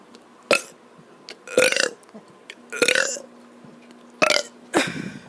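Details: Child deliberately burping, tired after running a lot, recorded on an iPad: four or five loud, voiced, rough throaty burps in quick succession, followed by hiccups; ordinary belching.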